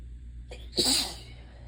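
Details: Single sharp sneeze after a brief inhalation in a quiet room, during relentless repeated sneezing in a person with hay fever (allergies), no fever.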